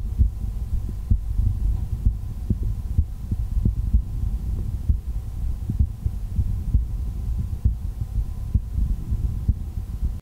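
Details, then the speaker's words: Real heart sounds heard through the bell of an MDF ProCardial cardiology stethoscope by a general practitioner: steady, regular low thumping at about 65 beats a minute, normal heart sounds. "So now let's take a listen to the heart sound with the bell of the stethoscope."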